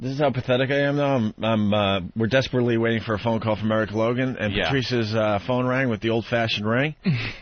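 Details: Adult male speaker, radio broadcast; Normal speech.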